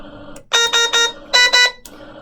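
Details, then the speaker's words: Newport HTC-70 ventilator in a training room: loud shrill electronic beeps in a group of three, then two, a disconnect alarm reading circuit or proximal line because nothing is attached to the end of the circuit after starting ventilation. "you see here it's going to say circuit or proximal line and the reason it's coming up with that is because there's nothing on the end of it"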